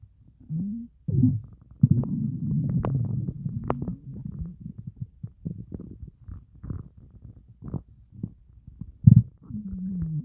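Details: Stomach growling after fasting over 30 hours: long, loud, low groaning gurgles and rumbles, continuous with bubbly bursts; hunger borborygmi.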